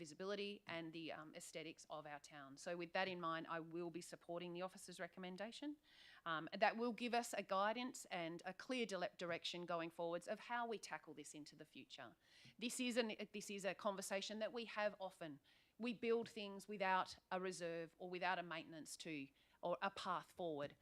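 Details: Adult woman speaking; normal voice.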